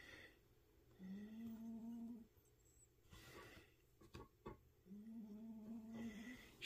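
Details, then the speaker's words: Pet cat sleeping nearby during cross-stitching: soft buzzing snores, two drawn-out breaths in a quiet room with light rustling; harmless cat snoring. "pas si vous entendez mon chat ronfler"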